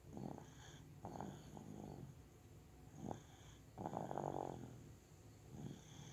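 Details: Ordinary snoring during sleep: irregular rattling, snorting breaths with quiet room noise between, said to sound just like a relative's snoring.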